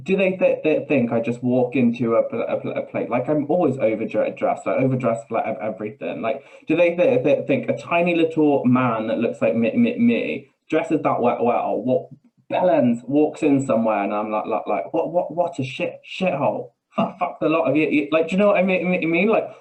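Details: Adult man with Tourette syndrome: vocal tics with coprolalia, involuntary swearing and blurted phrases mid-sentence; he also reports a stammer that worsens under stress.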